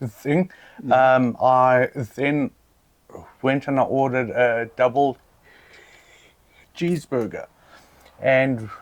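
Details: Adult man who stutters; stuttering.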